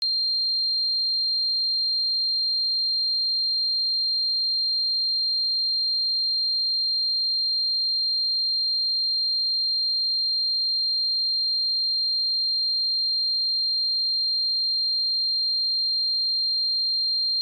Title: 🔊 I Spent 10 Minutes In The Tinnitus Sound Chamber